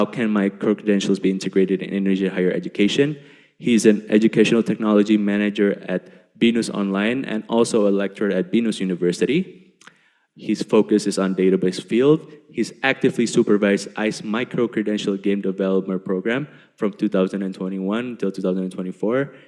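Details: Adult male speaker; Normal speech.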